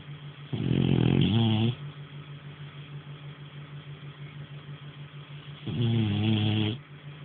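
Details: French Bulldog snoring: two loud, low, buzzing snores about five seconds apart on breaths in, over a steady background hum.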